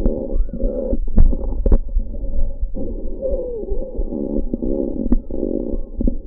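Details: Lung sounds recorded in a clinical setting for an auscultation quiz: continuous low, musical whistling with each breath, wheezing from narrowed airways.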